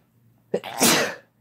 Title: Sneezing and Blesses (M+F)